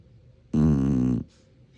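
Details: Sleeping Shar-Pei dog: one loud, drawn-out rumbling breath of about 0.7 seconds in a quiet room; snoring.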